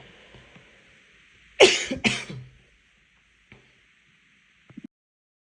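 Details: Two forceful, harsh coughs in quick succession, then quiet with faint knocks: the tail end of a coughing fit after choking on water.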